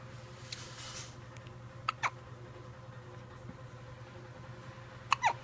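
Two pairs of quick, sharp hiccup sounds a few seconds apart over steady room hum. These are hiccups.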